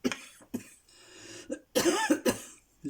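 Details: Cough from an adult in a quiet room, who is coughing again: a short run of about five or six sharp, partly voiced coughs.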